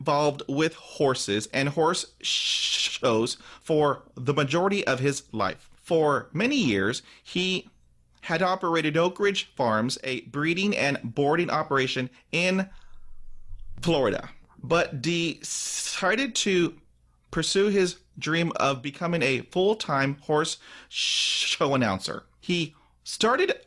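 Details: Adult man who stutters, audible repetitions and part-word repetitions; stuttering.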